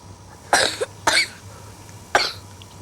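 Three short, dry coughs from a child, spaced over a few seconds, with a faint steady hum behind; an asthma cough.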